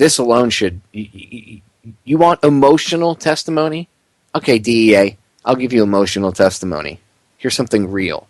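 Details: Adult male speaker; normal fluent speech.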